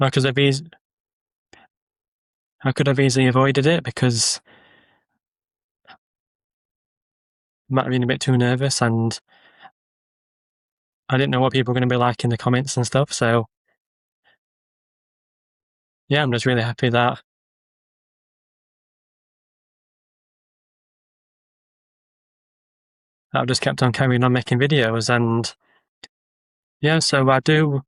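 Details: Adult man with a stammer who uses social media videos to build confidence; word and phrase repetitions and pauses; stammering (stuttering).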